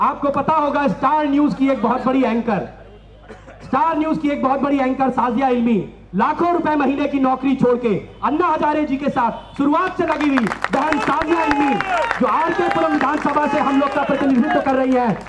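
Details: Adult man speaking; Normal speech.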